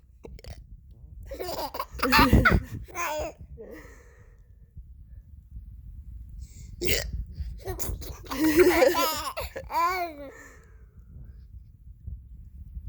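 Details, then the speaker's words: A mother's hiccups: abrupt hiccup sounds alternating with her infant's laughing and babbling, while she talks to the baby about them; hiccups. "That was a funny hiccup, huh? That was a good one. I can't help the hiccups. They just come out."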